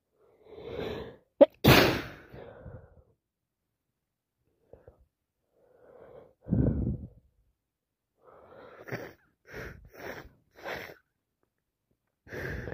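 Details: A sharp sneeze with a gasping intake, then a series of short, wet sniffs; sneezing and sniffling with a common cold.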